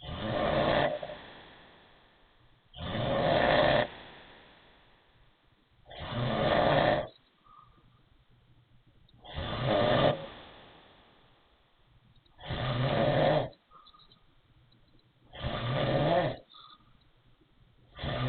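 Loud rasping snores about every three seconds, with a faint whistling note after some breaths; snoring with a wheezy quality.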